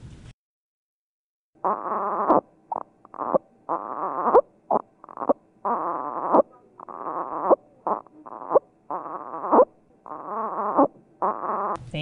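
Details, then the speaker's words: Expiratory grunting in an infant with respiratory distress: repeated short, low-pitched voiced grunts on breathing out, made by closing the glottis to maintain lung volume. "puede ver, es un ruido espiratorio. espiratorio. Es una especie de tono bajo y viene de lo profundo en la garganta, porque ahí es donde se cierra la garganta."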